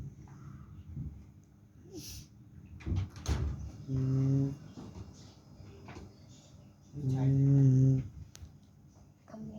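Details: Tired sleeper snoring after qurbani: two long, low, buzzing snores a few seconds apart, with quiet breathing and faint room noise between.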